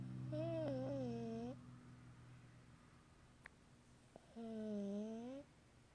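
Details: Two drawn-out, whistling, tonal breath sounds about four seconds apart in a quiet room: high-pitched whistling snoring.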